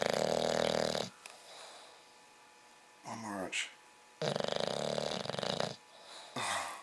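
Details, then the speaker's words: English Bulldog, 8 months old, snoring: loud, rattling snores with snorting breaths in and quieter breaths out, from a flat-faced dog. "oh my God Archie the bulldog snoring [Music] oh my God Arie so if you ever wanted a bulldog get ready to put up with that one more they closeup of his nose"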